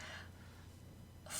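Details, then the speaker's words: Adult woman with hiccups while speaking on a podcast, trying to muffle them; brief, abrupt gasp-like catches of breath in a quiet stretch: hiccups. "yeah sorry guys i have the hiccups i'm sure you can hear it i'm trying to muffle every"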